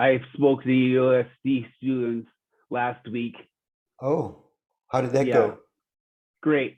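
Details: Real 45-year-old man with rare (under one in a million) primary progressive apraxia of speech; knows the words but they don't come out clearly; speech declining since a previous interview months earlier; apraxia of speech.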